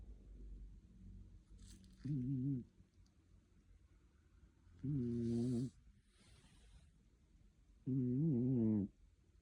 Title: Because of you… (잠은 다 잤다) 😭 #cat #snoring